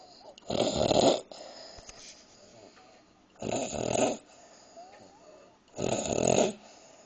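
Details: Woman who fell asleep while eating a midnight snack of green beans: three loud, rattling snores about every 2.7 seconds (roughly 22 a minute), with quiet breaths between.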